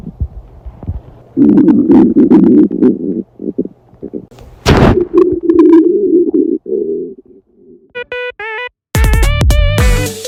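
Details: Acted classroom reenactment of stomach pain: two long, loud gurgling rumbles followed by short musical tones, portraying stomach growling (borborygmi).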